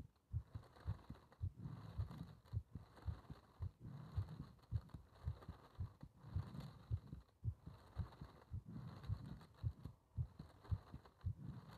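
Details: Steady low thumping heartbeat at about 109 beats a minute, with breathing noise underneath, recorded during paper-bag rebreathing (part one).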